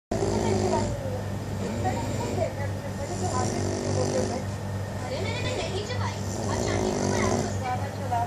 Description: How many people can sleep in such a snoring....